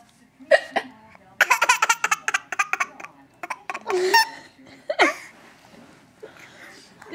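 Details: Laughing baby with hiccups: sharp, abrupt catches of breath mixed with laughter and giggling, with adult voices nearby.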